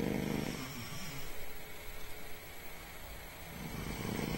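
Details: Loud, low, rumbling, coarse continuous snores from two friends sleeping, over room noise; heavy snoring.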